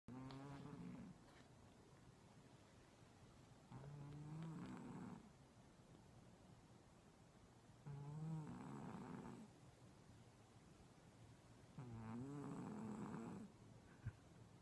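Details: Male cat asleep and snoring: slow, regular rumbling snores about every four seconds, roughly 15 a minute, with quiet pauses between.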